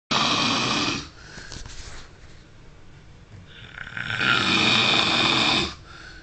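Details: Loud, harsh, rattling snoring breaths about four seconds apart, with a quieter breath between them: heavy snoring in a sleeping man.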